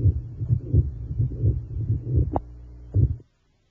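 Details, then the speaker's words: Pediatric pericardial friction rub from pericardial inflammation, best heard along the lower left sternal border, usually with midsystolic, mid-diastolic and late diastolic components; scratchy rasping sounds on heartbeats near 86 a minute. "a paracardial friction rub occurs when when there is inflammation of the paracardial membrane the rub usually has three components midsystolic mid diastolic and late diastolic"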